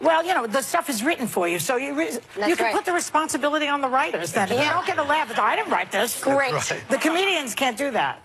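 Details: Adult woman speaking; normal voice.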